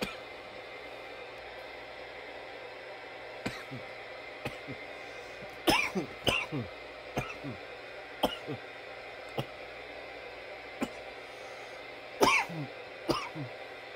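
Repeated single and clustered coughs, some sharp and isolated, others in short runs, over a quiet background hum.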